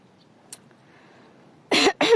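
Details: Two loud, harsh cough bursts from an adult speaker who says their voice is going, after a quiet stretch with faint outdoor background noise; cough.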